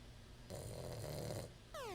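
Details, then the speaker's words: Snoring heard during a retro-gaming live stream, apparently from a host who jokingly claims to be napping because the game is boring, so it may be playful: snoring. "is snoring do you hear fitz snoring did anybody hear that"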